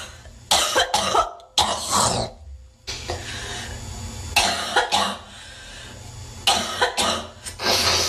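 Repeated bouts of forceful, harsh coughing, several coughs in each bout, with short pauses between.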